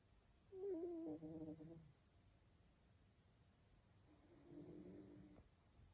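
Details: Male Maine Coon cat snoring in deep sleep: two soft rattling breaths, one at the start and one near the end, with a faint hiss.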